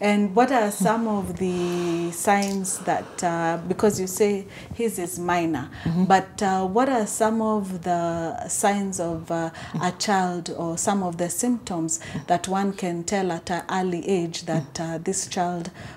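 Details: Adult woman speaking; typical speech.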